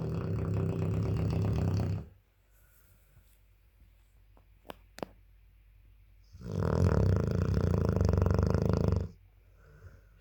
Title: 8 month old dogue de Bordeaux puppy snoring loudly 😴😴😴🙄